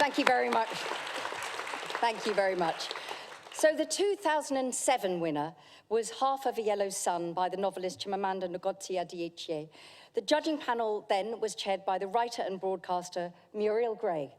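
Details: Adult woman speaking to an audience; normal voice.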